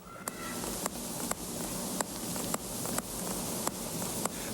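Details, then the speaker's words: The clicking of a Björk-Shiley convexo-concave mechanical heart valve implanted in an adult man's chest, recorded in a quiet room: sharp regular ticks about 80 times a minute over steady hiss. The valve was recalled in 1985. "Its gentle clicking reassured him that both the valve and his heart were functioning. wife used to joke that it sounded like her car signal."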